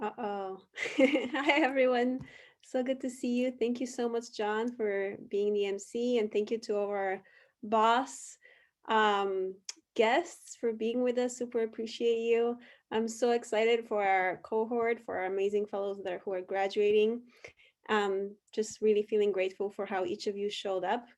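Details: Adult woman speaking; normal speech.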